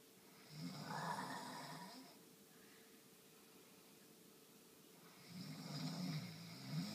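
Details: Person snoring, spring 2013: two slow, rattling snores on in-breaths about five seconds apart, quiet between them, in a small room; ordinary snoring.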